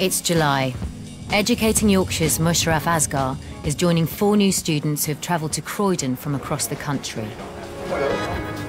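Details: Adult female narrator; normal speech.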